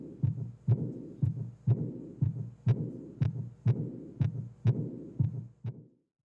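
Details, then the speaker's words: Aortic regurgitation auscultated with stethoscope at aortic focus, regular rate about 61: diminished S1 and S2, high-frequency blowing early diastolic murmur right after S2, radiating along left costal margin, best heard sitting leaning forward in expiratory apnea. "sin embargo como pueden escuchar el soplo diastólico es el componente más característico es de alta frecuencia y se presenta inmediatamente después del segundo"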